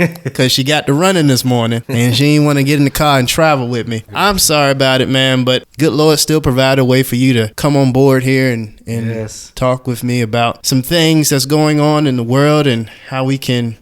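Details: Adult male speaker; normal speech.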